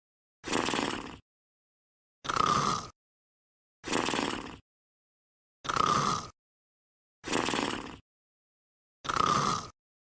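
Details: Sleeping dog snoring: short, evenly spaced snorting breath noises separated by silence, about 35 a minute.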